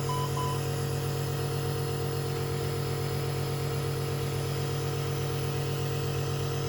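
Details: Steady loud mechanical hum and low buzzing drone, with brief beeps at the start: nebulizer compressor running for a NICU baby with Down syndrome, wheezing, chest congestion and respiratory distress, also on oxygen support.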